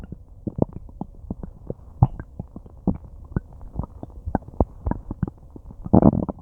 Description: I have no idea what I ate, but my stomach and intestines are having a tough time breaking it down, it's been growling and gurgling and groaning for a long time and it feels kinda nice ^-^